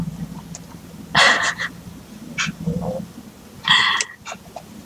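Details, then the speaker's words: Snuffly, noisy snoring breath sounds repeating about every two and a half seconds from a resting pet. "just Stank snoring."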